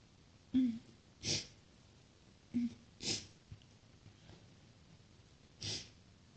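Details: Three soft, hissing sneezes, two of them led by a short voiced catch of breath, in a quiet room.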